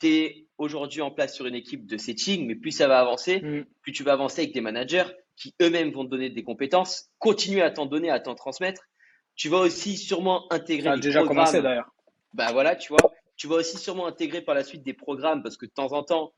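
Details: Adult man speaking French; normal speech.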